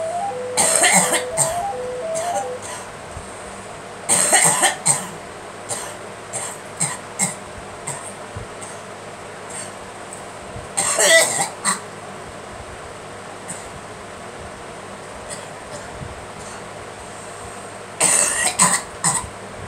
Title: Girl coughing